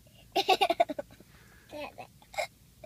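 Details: A child's short, sharp voiced catches, a quick run then a single hiccup, recorded at a park against quiet outdoor background; hiccups.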